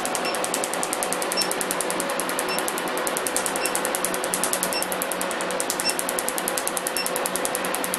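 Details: Laser removal of a professional tattoo: rapid, steady clicking of laser pulses, several per second, over a constant machine hum.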